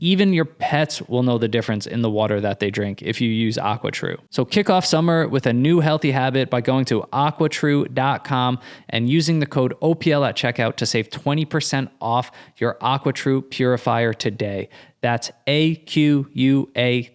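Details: Adult male speaker; normal fluent speech.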